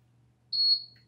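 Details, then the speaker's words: A single short high-pitched beep over faint hum as the silver power button on a PAPR (powered air-purifying respirator) fan unit is held about two seconds during pre-checks: device power-on tone. "we'll then use the power button which is located on the fan right here this big silver button will hold it down for about two seconds"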